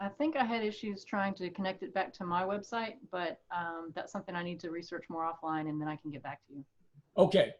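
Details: Adult woman speaking on a call; normal speech.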